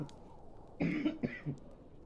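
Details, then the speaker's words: Several short throat-clearing coughs in a quiet room from a streamer who says they still have a cough, right after a narrated reading; ordinary cough. "It was so good that I coughed. [ __ ] I really shouldn't have done this when I have a cough, but I'm busy next week and tomorrow."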